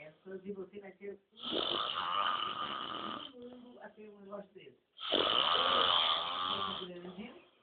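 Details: Adult man (the filmer's father) snoring during sleep: loud, harsh rattling snores on two long inward breaths, with quieter breathing between them.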